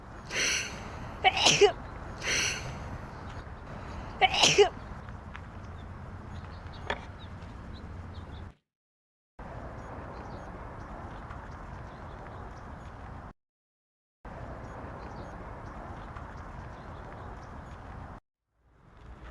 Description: Planned to be one nice video if I wouldn't be so loud sneezing.